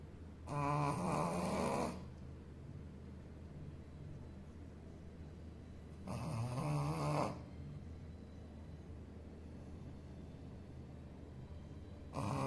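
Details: Snoring in a sleeping Shih Tzu dog: rumbling, fluttery snores on each in-breath, about ten a minute, over steady room hum.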